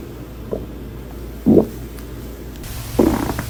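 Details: Stomach growling (borborygmi): three loud gurgling rumbles from the belly over a few seconds, from gas and fluid moving through the gut.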